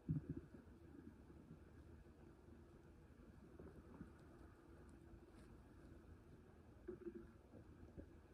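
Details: Low, continuous stomach rumbling with brief gurgles after a full meal: bowel sounds (borborygmi).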